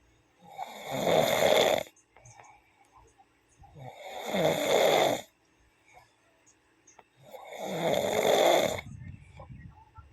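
Loud, rattling snores on each in-breath, three in ten seconds, with quiet breathing between: snoring.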